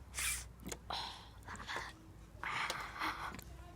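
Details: Several sharp, explosive nasal bursts with hissing air between them, from a person deliberately sneezing Dr Pepper out through the nose, who then says it really hurt the nostrils; forced sneezes.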